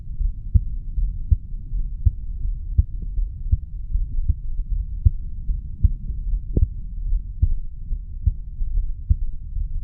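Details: 35-year-old man's heartbeat recorded at the mitral (bicuspid) valve area after weightlifting; heart sounds after exercise.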